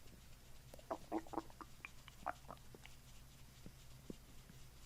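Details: Borborygmi during a chiropractic abdominal treatment; patient reports a diet mostly of pasta: quiet, irregular gurgles and squeaky bubbling pops early, fading to faint rumbles.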